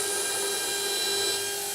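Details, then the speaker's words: Anterior mandible osteotomy with a 1.2 mm drill on a 12 mm drill stop, pumping up and down to full depth for narrow-diameter (2.4 mm) overdenture implants in a lower interforaminal surgical demonstration; steady high-pitched whine. Dental surgical drill running. "next step is as i take my 1.2 on a 12-millimeter drill stop and i line up according to where i'm going to bodily position my implant using my drill stop as a guide pumping up and down until i've reached my full implant osteotomy depth"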